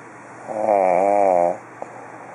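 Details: A single drawn-out, buzzing, voiced snore lasting about a second over steady room hum, from someone sleeping nearby: snoring.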